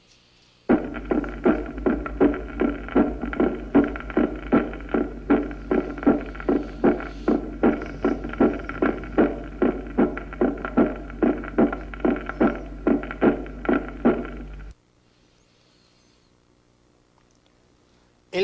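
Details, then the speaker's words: Regular heart sounds about 77 beats a minute over a steady low hum, with a loud pulmonary component of the second heart sound (loud P2) heard at the apex. "el aumento de su intensidad se oye en la hipertensión arterial en efecto se dice que el segundo ruido es intenso en el foco aórtico en la hipertensión arterial y en el foco pulmonar"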